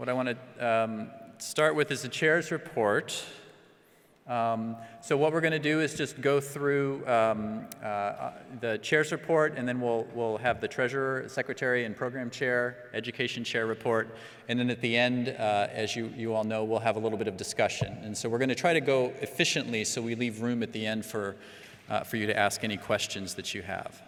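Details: Adult male speaker, amplified in a hall; normal speech.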